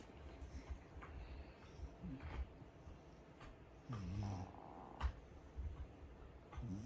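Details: Soft irregular snorting and snuffling breaths with faint low rattles from a sleeping Corgi, light background noise; snoring.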